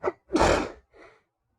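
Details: Adult male sneeze induced with paper towel points: a short gasping intake, then one explosive sneeze and a softer exhale, with no talking; a single induced sneeze.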